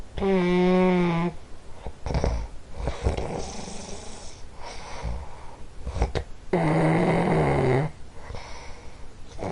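Loud, throaty, vibrating snores with a tonal buzz on inhalation, alternating with noisy breathing; snoring.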